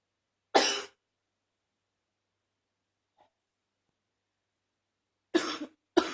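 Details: Congested cough: three short, rough, loose coughs in a quiet room, one alone and then two close together after a long pause.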